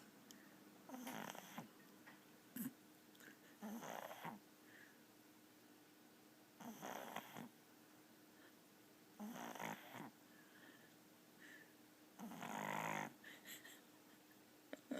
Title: Snoring pug